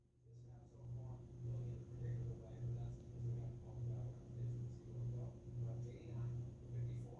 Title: Oakley Is Snoring